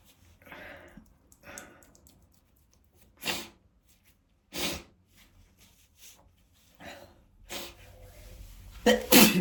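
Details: Male sneezing: several short, sharp sneezes with quiet breaths between them, ending in a louder burst, filmed to show the spray.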